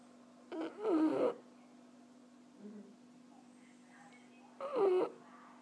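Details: French bulldog snoring in relaxed sleep: two loud, throaty snorting sounds about four seconds apart, with a quiet, steady room hum between.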